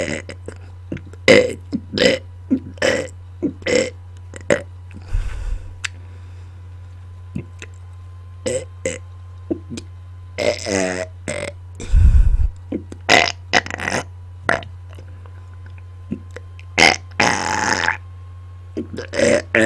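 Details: Deliberate, on-command burping and burp-talking close to a microphone: repeated short and drawn-out belches, some shaped like spoken syllables, over a steady low hum.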